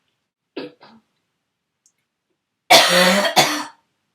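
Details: An adult, while sick, whose throaty cough turned barking for the first time: two soft throaty coughs, then two loud, harsh, hoarse coughs with a brassy, barking tone.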